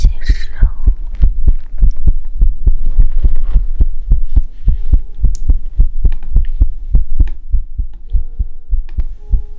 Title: Heartbeat asmr | 2022-06-10